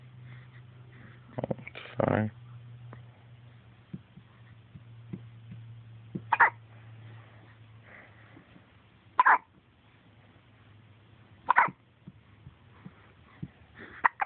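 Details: Sharp, brief gulping bursts every few seconds, about five in fourteen seconds, over a low steady hum; hiccups.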